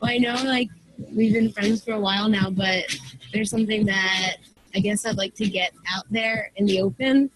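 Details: Person who stutters and has long hidden it, speaking while disclosing it to friends; stuttering.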